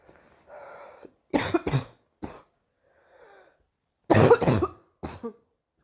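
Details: Girl coughing: two bouts of short, sharp coughs, about six in all, with faint breathing between them.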